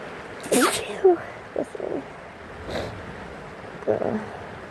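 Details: Someone sick giving a few soft sneezes and sniffles over steady rain sound in the background; sneezing.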